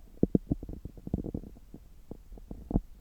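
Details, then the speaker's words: Abdominal sounds heard through a stethoscope about three hours after a meal: irregular soft gurgles and low bubbling clicks, about ten in three seconds; normal active bowel sounds. "今日は久しぶりに聴診器を使ったお腹の音を取っていきたいと思います。今は、食後3時間後ぐらいで、ちょうどお腹がよく動いている時間だと思います。"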